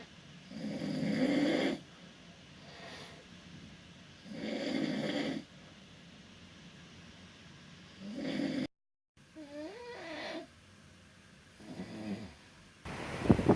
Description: While cruising around the Caribbean my stateroom mate snored. I couldn't sleep for days so I recorded him snoring.